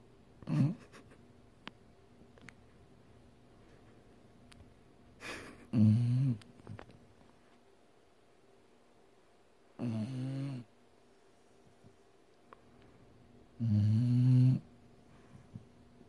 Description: This dog was snoring pretty loud and I thought it would be funny to record so I did and I had a couple giggles but hey it's still a cut dog snoring.